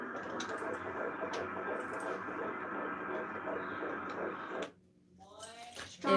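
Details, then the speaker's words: Fetal heartbeat on a Doppler at about 13 weeks of pregnancy: fast, rhythmic, strong whooshing pulses through static. "you guys hear that sound that's her baby's heartbeat"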